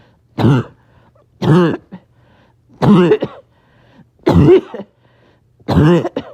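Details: Back-to-back coughing fits in a person who is a little short of breath: five harsh voiced cough bursts about a second apart, some with a short trailing catch.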